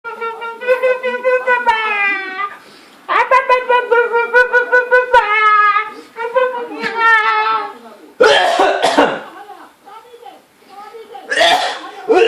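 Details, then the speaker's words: A young child cries loudly in long wailing bursts, upset after the father, who was joking with the child, suddenly coughs harshly several times and cannot hold it in; he reassures the child he is coughing, not angry. "bukan nak, bukan marah, gua batuk sayang batuk."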